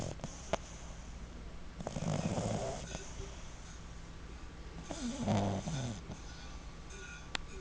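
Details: Six-month-old Boston terrier puppy snoring asleep with tongue out and eyes half open: two rattling, buzzy inspiratory snores with quiet room noise between them.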